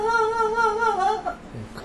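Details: Woman with spasmodic dysphonia phonating on request; the muscles around her vocal folds repeatedly contract and relax, shaking severely.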